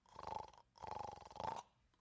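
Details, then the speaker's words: Snoring pattern of obstructive sleep apnoea in an adult: two loud, rattling snores followed by silence as breathing stops. "and then people stop breathing. Not medical emergency, you'll always start breathing again."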